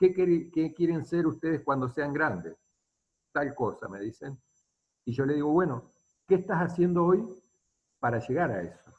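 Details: Adult speaker, Spanish; normal fluent speech.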